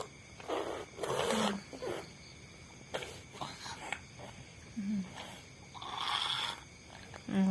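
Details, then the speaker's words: Pet Miko, who always sleeps like this with eyes open: rough, noisy breathing bursts recur every couple of seconds with quieter gaps between, snoring. "nya ngorok tuh. Jadi Miko itu kalau tidur pasti kayak gitu, matanya melek."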